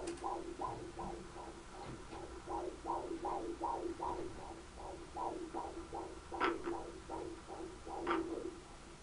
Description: 20 weeks pregnant 6/14/2011. Baby's heartbeat in the 140's, strong healthy baby.